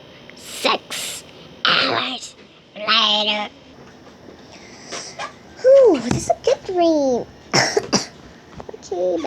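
Several short, sharp coughs from a child, mixed with brief high-pitched voice sounds.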